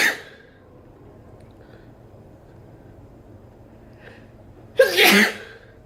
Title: Sneezing while sitting on the couch